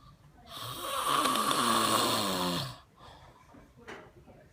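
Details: One loud, rough snore on an in-breath lasting about two seconds, followed by quiet breathing during sleep; snoring.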